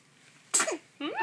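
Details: A three-day-old newborn who has the hiccups gives one sharp, hissing sneeze, then a brief whimpering cry: sneezing.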